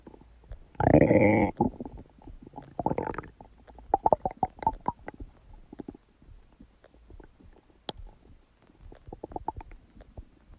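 A loud drawn-out gurgle followed by bubbling, popping rumbles that trail off, ordinary stomach gurgling.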